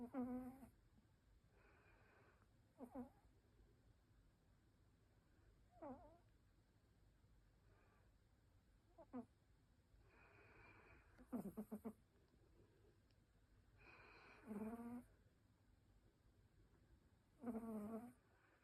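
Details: Soft, irregular snoring and snuffling breaths from a tired sleeping pet, possibly a cat, in a quiet room.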